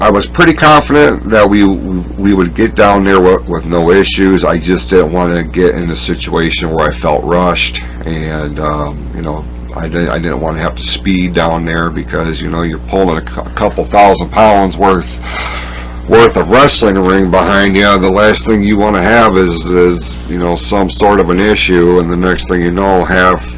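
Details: Speech disfluency with stuttering-like repetitions in a male speaker with a self-described speech impediment; he says he must concentrate on his speech and that background noise interferes with his listening.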